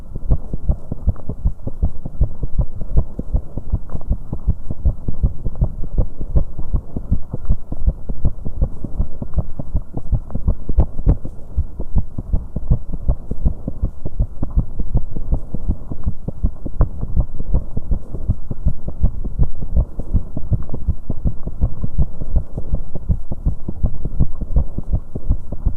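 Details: 19-year-old woman's heartbeat after an exercise bike: fast, pounding beats with occasional irregular premature contractions (PVCs/extrasystoles).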